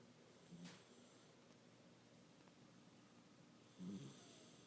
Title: Sesame Snoring